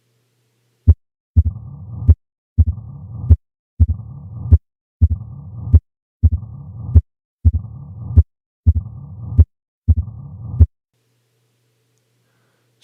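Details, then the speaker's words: 45-year-old man from West Africa with dyspnea and years of leg swelling; stethoscope bell at the apex: uniform low-pitched rumbling diastolic murmur of mitral stenosis. "what would cause a uniform low pitched diastolic murmur at the Apex really only one thing can do this mitro stenosis"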